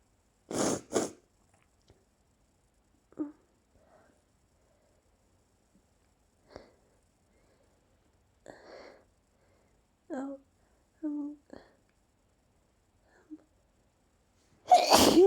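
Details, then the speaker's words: Ongoing sneezing fit with a very itchy nose: two sharp sneezes, then quiet with faint breaths, and another forceful sneeze at the end. "I'm gonna sneeze. I'm gonna sneeze. Again."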